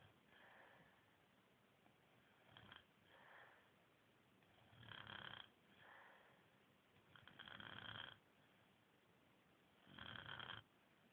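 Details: A person snoring in sleep: rattling breaths about every 2.5 seconds, about 24 a minute, alternating softer and louder; steady snoring.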